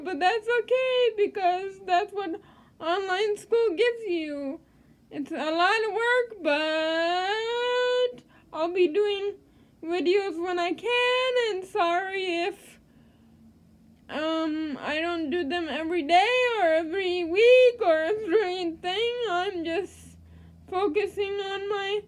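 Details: Dysarthria in a female with cerebral palsy.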